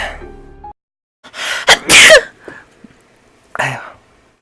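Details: Compilation of sneezes.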